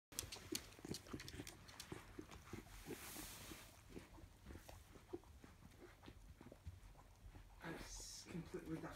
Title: Millie Reverse Sneezing 3